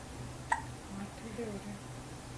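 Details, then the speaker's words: Single short, sharp hiccup in a quiet room with soft background talk. These hiccups start after burping, which reportedly happens every time as food digests. "Burp करने के बाद हिचकी लग जाती है हर दफा व हजम होता है ना"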